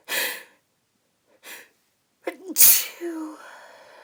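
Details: Uncovered sneezes from a female, partly held back: two soft breathy bursts, then a voiced build-up and a loud sharp sneeze with a trailing voiced tail.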